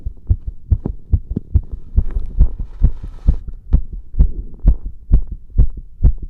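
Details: Heart sounds.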